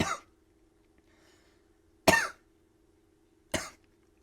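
Three sharp, separate coughs from an adult, an irritant cough after inhaling cannabis smoke from a bong.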